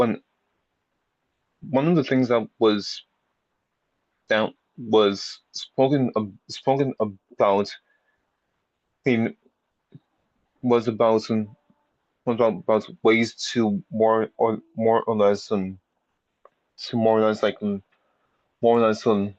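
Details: Stuttering in an audience member who has had speech therapy for a speech impediment; repetitions and revisions heard.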